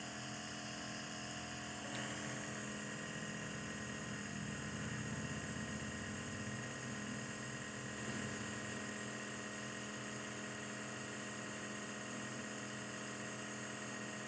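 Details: Nebulizer compressor starting a nebulization treatment for a baby with cough and cold. A steady mechanical hum and buzz runs continuously, with no breathing or coughing clearly heard.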